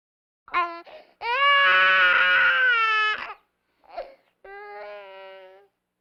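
Loud, high-pitched wailing cries from an infant in short bursts, then a softer whimpering cry; ordinary infant crying.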